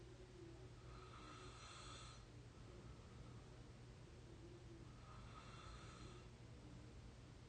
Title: real exhausted snoring 22 year old audio 3